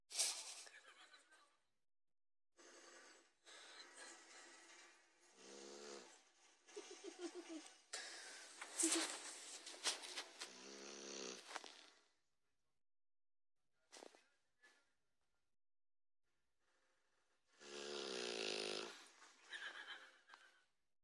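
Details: Pit bull dog snoring loudly: hissing, whistling breaths in irregular runs with pauses between, some with a rough fluttering edge.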